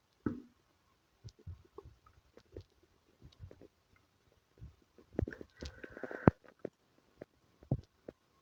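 Scattered soft clicks, gurgles and squelching bubbles with a longer rumbling stretch; active bowel sounds.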